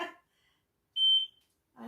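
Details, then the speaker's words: A single high, steady electronic beep lasting about a third of a second as a NxStage PureFlow home dialysis machine, used for end-stage renal disease, is switched back on; power failure alarm. "now it'll alarm something about power failure because we've turned it off but it'll pick up where it left off too"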